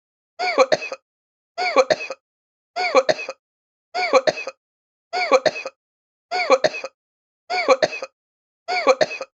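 Eight identical short, voiced, throat-clearing coughs repeat at a steady pace, about 51 a minute, as a looped sound effect.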